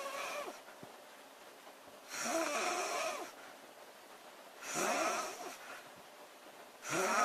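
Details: Loud, rattling snores from a sleeping girl recur with each breath in, about 25 a minute, with quiet breathing between.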